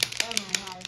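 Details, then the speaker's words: Rapid sharp clicks, about five in under a second, from a handheld spring-loaded chiropractic adjusting instrument used on the shoulder-blade area to loosen muscles in a pregnant woman whose baby is breech, during Webster technique care. "So many clicks, right? But it helps to kind of relax everything."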